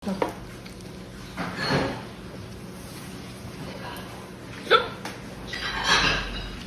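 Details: A woman hiccuping while eating a meal: several brief, abrupt gulping hiccups at irregular intervals over background room noise.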